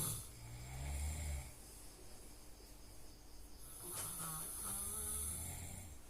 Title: Snoring sound